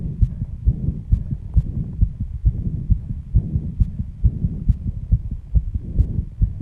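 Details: Fast, regular, pounding heartbeat at 134 bpm after intense exercise, with heavy breathing; loud enough to hear without the microphone at first. Sinus tachycardia after exercise.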